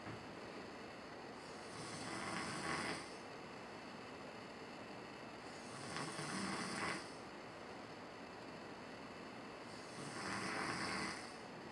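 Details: A person home on vacation, typical snoring during sleep: slow, rough, rattling snores about every four seconds, roughly 15 a minute, over steady room hiss.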